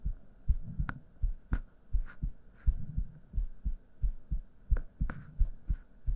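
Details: Steady, deep lub-dub heartbeat at roughly 85–90 beats a minute with faint background clicks, presented as heart sounds in an ASMR relaxation recording.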